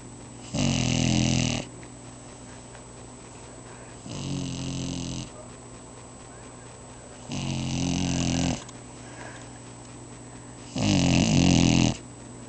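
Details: Snoring in a sleeping deaf boxer puppy: loud rough snores, four in about twelve seconds, roughly every three seconds, with quiet breathing between.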